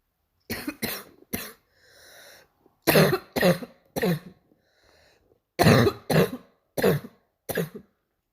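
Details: Imitated barking cough: ten harsh coughs in three bouts separated by noisy, drawn-in breaths.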